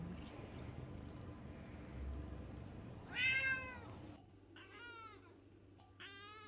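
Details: Hoarse, raspy meow with a subdued voice from a Lynx point Siamese cat; cause still unknown, throat culture results pending; dysphonia.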